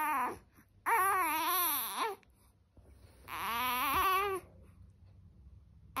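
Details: Infant: two drawn-out, rising and falling wails of about a second each, separated by quiet pauses, over faint room noise; infant cry, recorded at 5:33 am.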